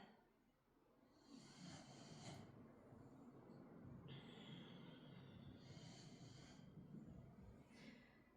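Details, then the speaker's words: Sleeping dog gives low, rumbling, uneven breathing noise with faint hissy bursts over quiet room noise: ordinary snoring. "again, I promise if you can hear snoring throughout these shapes, it is not me. It is Ara, I promise."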